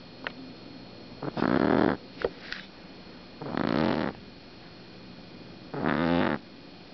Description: Our 6 week old Black Pug RAVEN tucked herself behind a large purse to nap and SNORED UP A STORM...